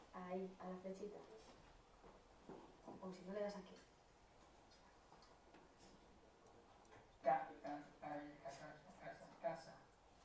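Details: Patient with apraxia of speech naming objects, searching for syllables with repeated, gradually improving attempts; muscles intact but unable to consciously coordinate mouth movements; apraxia of speech.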